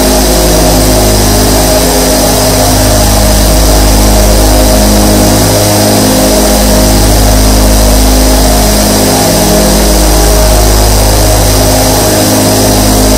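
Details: A sleep ASMR recording of 24 nebulizer compressors running together to make medicine mist: a loud, steady motor hum and buzz.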